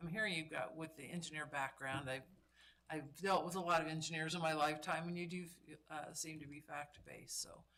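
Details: Adult man speaking; ordinary speech.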